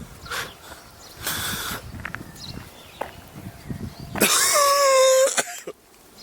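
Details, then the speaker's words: Adult with a cough lasting over 3 weeks, on an asthma inhaler and pills: inhaler puff with soft hiss, then a harsh throaty cough and strained voiced throat-clearing; cough after inhaler use. "so a couple of days have passed now and I've been tooting away on my inhaler and popping the pills but I seem to still have a bit of a chesty cough"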